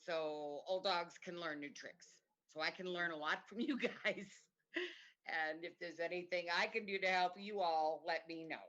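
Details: Adult woman speaking; Normal speech.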